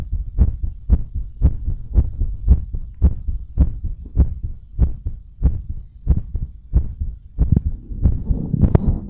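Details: Strong, steady paired heartbeats about 110–115 a minute, recorded from the chest with a stretchy belt after bouncing around and blowing up a giant balloon; normal heart sounds at a raised rate, rustling at the end.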